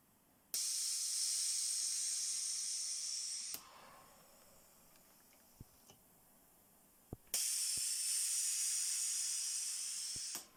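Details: Pressure testing of a low-cost COVID-19 ventilator prototype: sharp valve clicks open roughly three-second bursts of loud airy hiss, with quiet pauses between, about nine cycles per minute, from pneumatic ventilator valve cycling.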